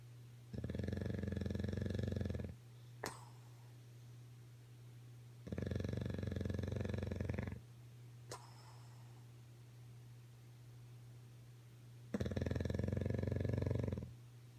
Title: Bulldog snoring